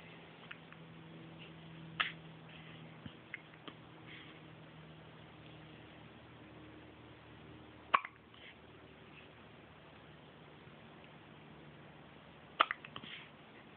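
Three brief, sharp hiccup sounds a few seconds apart over steady low room hum: hiccups.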